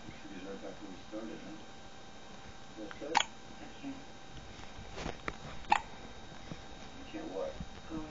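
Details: Baby with hiccups: two brief, sharp catches about two and a half seconds apart under soft cooing and room noise, fitting infant hiccups.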